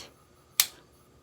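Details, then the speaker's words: Type 1 diabetic changing insulin pod (every three days): a single sharp click in a quiet room as the pod automatically inserts its cannula after confirming. "then you hit confirm and then it's just gonna automatically insert that cannula so I just kind of wait on the edge of my seat"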